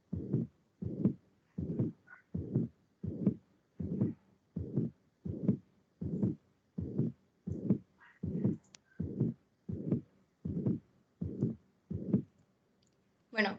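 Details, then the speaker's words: Pericardial friction rub in pericarditis, a teaching recording: regular, harsh scratchy sounds with each heartbeat. The rub is variable, can be heard anywhere and should be sought in different trunk positions, not only at the left parasternal border. "bueno en este vídeo vamos a escuchar cómo es el frote pericárdico y"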